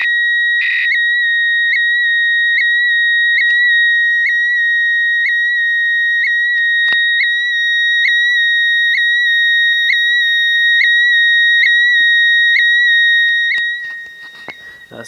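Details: Transtelephonic heart event monitor worn for a heart problem, removed and held under a phone microphone to send its recording to a nurse: a loud, steady, high whistle tone with regular brief chirps.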